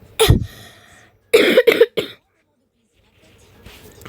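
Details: A single cough, then a short run of rough throat-clearing bursts in a quiet room. The speaker says she doesn't feel well, then says her voice has come back.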